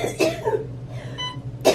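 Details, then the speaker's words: Woman with cystic fibrosis in hospital emergency room for post-operative problems, receiving IV contrast: two short coughs with a faint IV pump beep between them in a quiet room; cough. "Coughing, beeping IV."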